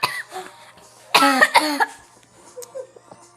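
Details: A child's repeated coughing: two faint coughs, then two louder, strongly voiced coughs in quick succession.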